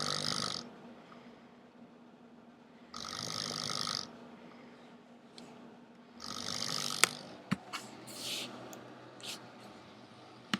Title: atrocious snoring.